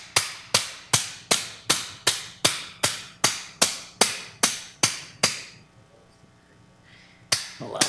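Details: About 13 sharp, ringing metallic mallet strikes at a steady pace, then a pause and another strike; a mallet driving instrumentation into the sacroiliac joint during fusion surgery.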